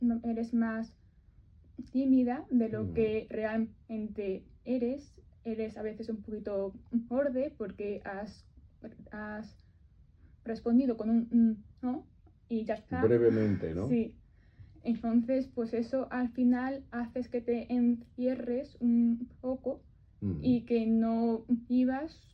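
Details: Adult woman living with stuttering (disfemia), speaking live in a radio interview; stuttering.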